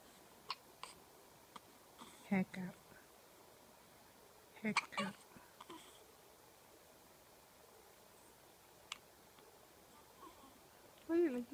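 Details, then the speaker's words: Several short, abrupt voiced throaty catches at irregular intervals in a quiet room, while someone says "Oh no, you got hiccups"; hiccups. "Oh no, you got hiccups. Hey, buddies. Hiccup. Hiccup."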